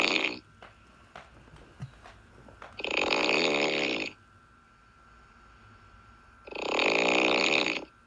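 Loud, rough, rattling snores on inhaled breaths, about three in eight seconds, separated by quiet pauses; typical snoring.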